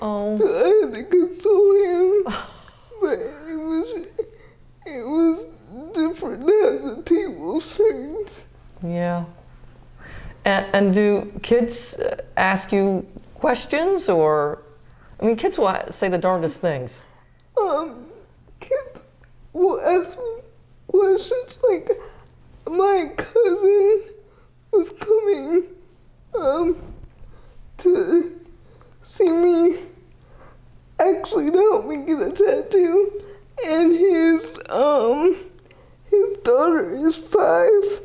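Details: Dysarthria in a 30-year-old woman with GMFCS level 4 cerebral palsy, quadriplegia with an athetoid component; speech is somewhat hard to understand because CP affects her muscles.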